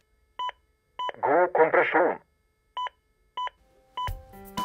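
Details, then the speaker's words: AED metronome beeps: short, evenly spaced electronic beeps at about 100 a minute pacing chest compressions during CPR after a shock, with a Norwegian voice prompt to push harder, guiding compression depth and rate. "trykk hardere i mellomtiden så vil hjertestarteren veilede deg med å gi riktig trykk dybde og riktig frekvens"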